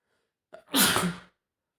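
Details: Adult male with a horrible cold for over a week, at home: brief intake of breath, then one sharp explosive sneeze tailing off quickly; sneeze.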